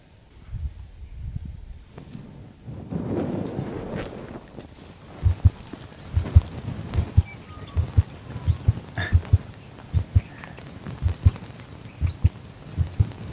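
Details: Recorded heartbeat of a female Border Collie dog: soft, regular low thumps at roughly 75 beats a minute, after some handling rustle.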